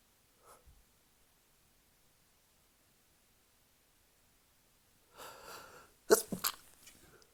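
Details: Sneezing fit while drunk: a faint first sneeze, then a cluster of three or four loud, sharp sneezes in quick succession.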